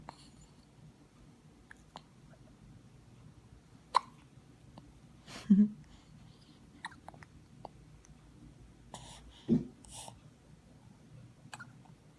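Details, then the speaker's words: Infant aged 9 weeks 6 days with frequent hiccups: two soft, abrupt hiccup sounds several seconds apart, faint breathing and small noises in a quiet room; infant hiccups. "today mella is nine weeks and six days and she's still getting the hiccups all the time and I like them they're so cute"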